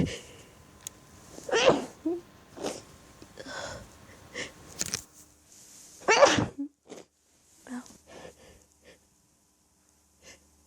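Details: Staged hiding scenario with mostly natural, minimally induced sneezing: several sharp sneezes, some stifled and held back, with quiet breathy pauses between them; sneezing fit from an allergy attack.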